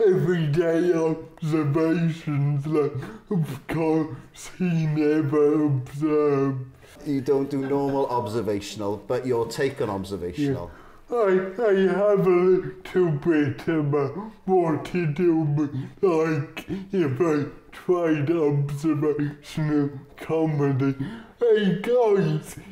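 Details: Adult male comedian with cerebral palsy, whose speech takes audiences a while to follow; dysarthria (cerebral palsy)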